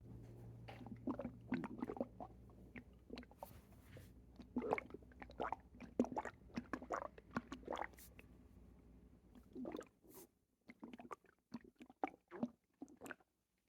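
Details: Right after a bowel movement, loud, watery gurgles and squelches from the belly, likened to a waterbed in the stomach: borborygmi.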